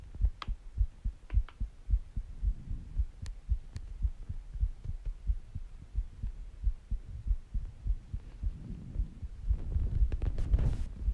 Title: Heartbeat Sounds And Breathing Sounds